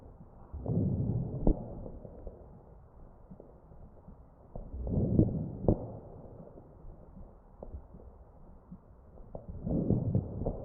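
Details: Crackles heard over the chest of a real mechanically ventilated patient with an AccurSound electronic stethoscope: three machine-driven breaths, about 14 a minute, with brief popping crackles.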